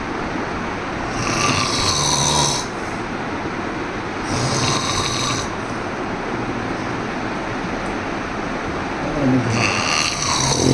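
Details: Adult male, about 52, with a 10-year history of difficulty sleeping and daytime lethargy; family-confirmed loud, harsh snoring in rhythmic bursts about every four seconds; investigations suggested sleep apnea, later treated surgically.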